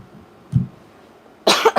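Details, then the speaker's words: An adult at the tail end of a viral illness gives a soft throaty catch, then a short burst of two or three sharp, dry coughs in a quiet room. It is a lingering tickly cough that persists despite drinking lots of water. "i'm so sorry guys i still have that cough you'll hear it in the individual sign readings too"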